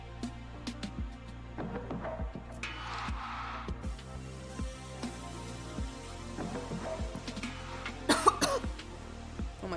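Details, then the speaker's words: Throat clearing and a few short coughs from an adult streamer who may or may not be sick, the sharpest burst near the end, over steady game music. "God can you hear me coughing I'm so sorry I may or may not be sick"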